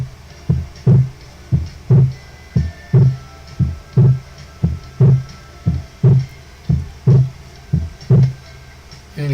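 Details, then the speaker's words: Regular heartbeat at about 58 a minute with a widely split second sound, the split increasing in inspiration from further delay of the pulmonary component: widened S2 splitting, demonstrated as in right bundle branch block. "Otras causas de desdoblamiento del segundo ruido es bloqueo de rama derecha, en el cual aumenta el desdoblamiento por mayor retraso del segundo ruido pulmonar en inspiración, como lo podemos escuchar aquí."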